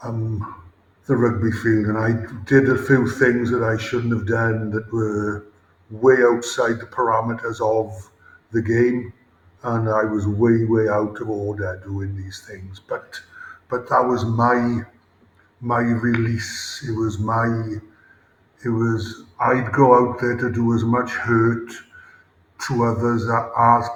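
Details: Adult male former Welsh rugby player with a lifelong, debilitating stammer since about age 5-6, with blocks and more speaking difficulty under pressure; real, not acted; stuttering (stammering).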